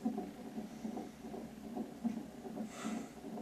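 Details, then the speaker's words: Fetal heartbeat of a baby boy heard at the mother's doctor's appointment: soft, muffled rhythmic thumping, partly broken up by movement noise as the baby moves. "but listen you can hear heartbeat so that's our son"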